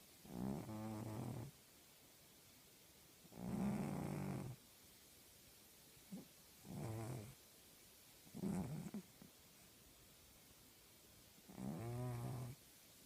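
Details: Sleeping female tabby cat snoring: loud, rattling snores, about six in thirteen seconds, each a rough vibrating breath with quiet gaps between.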